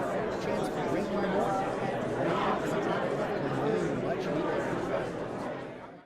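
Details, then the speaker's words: Simulation of severe to profound unilateral hearing loss in the left ear with normal right-ear hearing: muffled, unintelligible speech amid crowd chatter. "However listen to the same walking sounds with a unilateral hearing loss."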